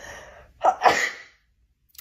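A single sharp sneeze with a quick in-breath before the burst; an ordinary sneeze.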